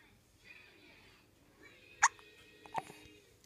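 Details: Hiccups in an almost three-month-old baby girl: a sharp, brief hiccup with a faint second catch against quiet room noise.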